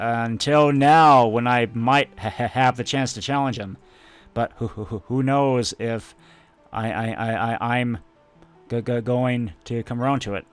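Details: Adult male speaker; stuttering.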